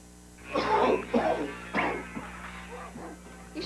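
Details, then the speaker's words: Three or four harsh, loose coughs in quick succession from an adult, acted for a 1988 cough syrup TV commercial; cough. "take something for that cough we are all out try that you always give it to us when we have a cold with a cough"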